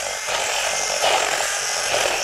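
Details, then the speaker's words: Harsh high-pitched whirring grind of a power drill opening the tibial intramedullary canal, tibia first, during rotating-hinge knee revision surgery demonstrated at an anatomic institute; surgical drill. "So what we are going to do next is the opening of the intermedullary canal. You can take the reamer or the drill as I do."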